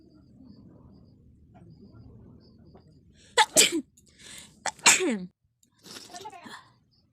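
Two sharp sneezes, each with a quick in-breath, followed by a nose blow, over faint room noise.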